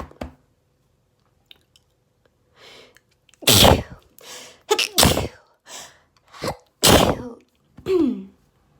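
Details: Allergy sneezing fit, rapid and intense: about six forceful sneezes in quick succession with brief gasping in-breaths between them.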